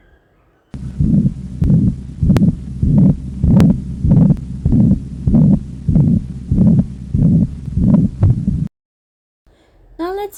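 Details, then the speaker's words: Teaching recording of systolic murmurs: a regular heartbeat near 98 a minute with a harsh murmur filling each systole, a ventricular septal defect murmur. "ventricular sepal defect"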